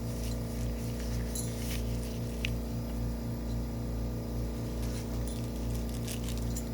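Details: Tracheostomy suctioning of an infant girl after feeding, using a DeVilbiss suction machine with sterile glove and catheter to 10.2 cm depth with trach guard: steady motor hum with faint scattered crackly bursts.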